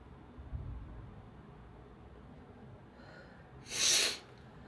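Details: Single sneeze from an adult woman in a quiet room: a soft intake of breath, then one sharp, hissing burst of air. Recorded with the model's permission.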